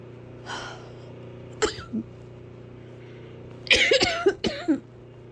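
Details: Several hard, harsh coughs, including a close run of three or four, over a loud steady fan hum.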